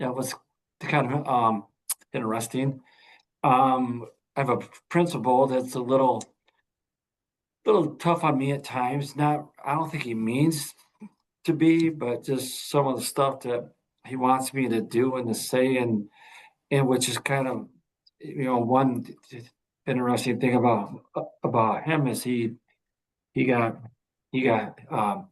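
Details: Adult man, a veteran high school coach, who stutters with blocks and finds his own first name hard to say; stuttering.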